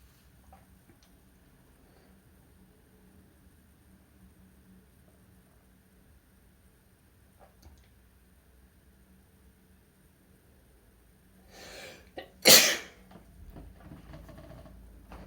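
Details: Shirtless man sneezing after some false starts: quiet room, then a brief inward breath followed by one sharp, explosive sneeze.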